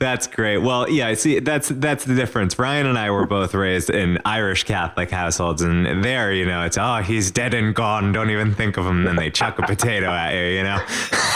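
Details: Adult man; normal speech.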